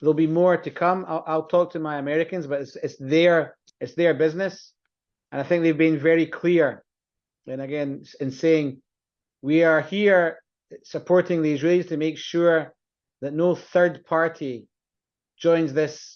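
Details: Adult male speaker; Normal speech.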